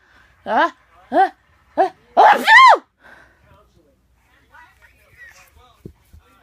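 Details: Simulated sneeze: an adult's sharp, explosive fake sneeze makes a 6-month-old baby scream and laugh, with short rhythmic bursts of baby laughter around it, then quiet.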